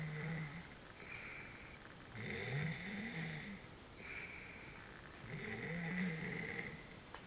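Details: A person snoring, filmed by someone else: rough, rattling snores on each breath, roughly 19 a minute, in a quiet room.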